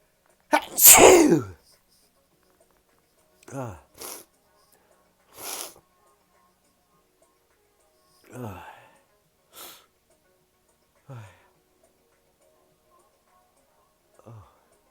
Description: Just some sneezes for y’all no talking.